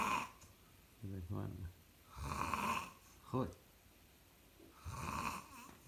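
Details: Loud rattling snoring, partly mixed with onlookers' voices and laughter.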